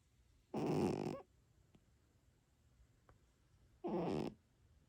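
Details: Himalayan Persian cat snoring: two rough, rattling snores about three seconds apart, each over half a second, with a quiet room between them.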